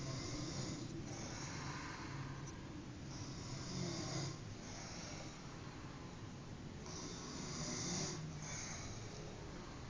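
Low, rough rumbling snores repeating with breathing, quiet, over steady room noise.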